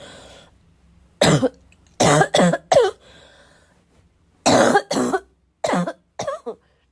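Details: Self-recorded coughing fit, described as a little wheezy, a little chesty and barking as always: two runs of loud, harsh coughs, about eight in all, rough and barking; chesty barking cough.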